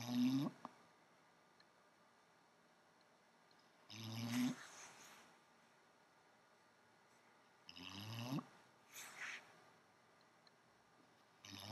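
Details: Snoring during sleep, described as the quietest she snores and at least 10 dB louder at night: slow rasping breath noises about every four seconds, roughly 15 a minute, over steady background hiss.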